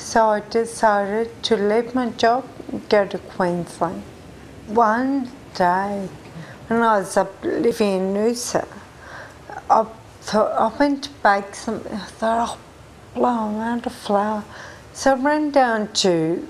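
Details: 43-year-old woman with Friedreich ataxia, a progressive genetic condition diagnosed at age 20; strangers have mistaken her for drunk: ataxic dysarthria.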